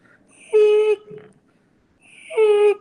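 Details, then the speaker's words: Musical, whistling breath sounds of steady pitch: an expiratory wheeze from lower airway obstruction, as in bronchiolitis, asthma or pneumonia with bronchospasm. "tapi kalau bunyi lower rway obstruction on the bronchol example atau apa broncholitis asma itu atau pumonia ada bronkospasm ya Bunyi on expiratory expiratory wiing and"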